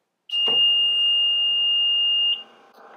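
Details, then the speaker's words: Home oxygen concentrator being switched on during a troubleshooting demonstration: a single steady high-pitched beep lasting about two seconds as three indicator lights illuminate. Normal start-up beep. "so i'm going to go ahead and turn our concentrator on you'll see that these three lights are going to illuminate"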